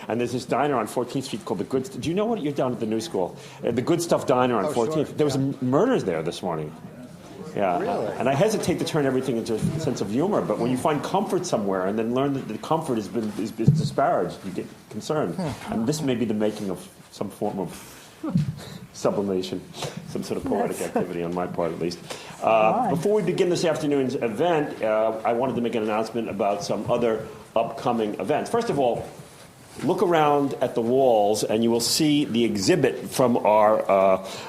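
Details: Adult man speaking; typical speech.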